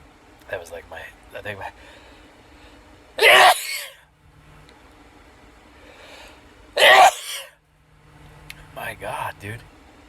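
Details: Sneezes deliberately triggered by cayenne pepper in the nostril, with burning sinuses, part of a series of nine: two loud, explosive sneezes a few seconds apart with brief throat-clearing and vocal sounds between.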